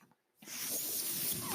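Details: Mechanical ventilator breathing cycle: a brief quiet gap, then a steady rushing hiss of air as a podcaster's own ventilator delivers a breath during speech.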